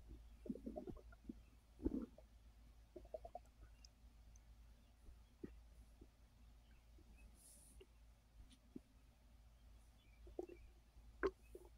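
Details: Digestive gurgles and soft rumbles from a full stomach while trying to rest after a gummy caused overeating, over a low steady hum: normal borborygmi.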